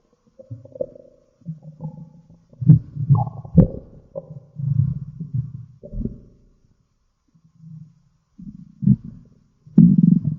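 Low, gurgling, rumbling growls in bursts with quiet gaps; ordinary stomach growling from gas and fluid moving through the gut.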